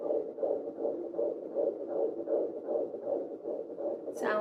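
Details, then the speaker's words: Fetal heartbeat on an at-home pocket Doppler in a fifth pregnancy, probe just left of the belly button angled right, near a C-section scar: rapid, regular whooshing pulses of about 160 a minute that grow louder with firmer pressure. "i can listen to that sound all day guys and it'll get a little bit louder the harder i press"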